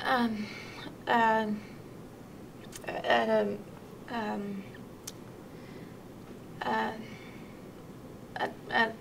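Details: Severe Broca's aphasia, a non-fluent aphasia, heard in conversation with halting speech and fillers.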